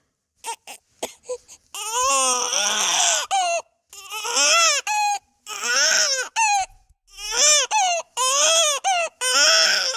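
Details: Sound-effect recording of baby crying: repeated loud, high-pitched wailing cries with short gasps between bursts, a distressed infant cry.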